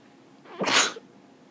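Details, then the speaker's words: Spring seasonal allergy sneezing all day in March, with itchy nose and throat and watering eyes: a single sharp, hissing sneeze with a brief in-breath before it, in a quiet room. "I've been sneezing all day I'd like to stop now oh itches oh my throat's itchy I can't do anything else this is my nose itches and my eyes is water"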